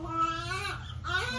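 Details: Brief high, tuneful wail of a newborn, the mother's second baby, just after a painful delivery, with a short break before crying resumes; a normal cry right after birth.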